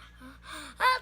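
A short, sharp indrawn breath rising into a louder catch, the gasp that comes just before a sneeze.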